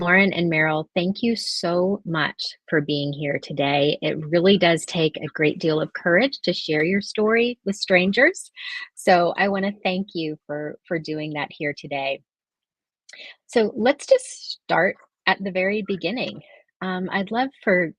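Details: Adult woman speaking; normal speech.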